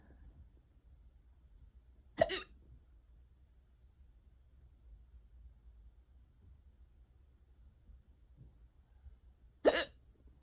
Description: these are still going on as i’m writing this this is insane i never get hiccups this bad